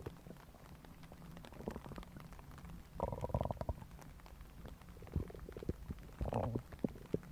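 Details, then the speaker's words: Soft gurgles and squelching rumbles with a few louder bubbling growls: ordinary stomach growling (borborygmi), a normal finding. "So today we are going to be doing another stomach grumbling,"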